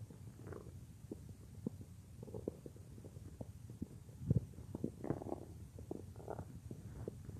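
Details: A woman's own stomach, heard as if lying on her belly while she works at a computer: low, bubbling gurgles and rumbles with scattered squelches throughout. Ordinary stomach growling (borborygmi).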